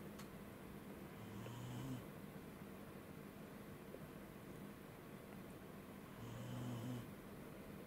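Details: Two soft, low snoring breaths about five seconds apart over steady hiss from Angela, a sleeping corgi dog that snores more often than her companions; owner wonders if hay fever is the cause.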